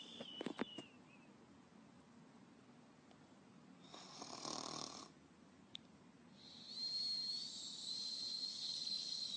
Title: Ruby Whistle Snoring Voice Over (GoAnimate Style)